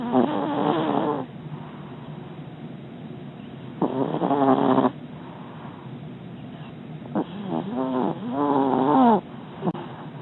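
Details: Dog sleeping comfortably in his doggie bed: loud, whistling, rumbling snores on each breath, about 14 a minute, over steady room hiss.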